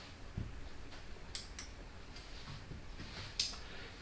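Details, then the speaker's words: A few sharp, brief clicks in a quiet room: a jaw-joint click as a displaced temporomandibular disc snaps out of the way during opening, discussed alongside rheumatoid arthritis. "앞으로 나오질 못하고 디스크가 탁 튕겨 나가면서 이때 턱 관절에서 딱 소리가 나게 됩니다."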